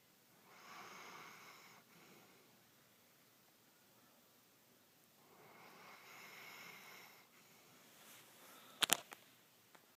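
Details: Gentle snoring, said to be quieter than usual once recording started: two slow, soft, airy snoring breaths about six seconds apart, brief sharp knock near end.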